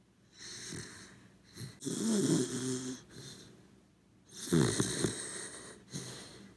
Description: 1 hour of our corgi dog snoring ASMR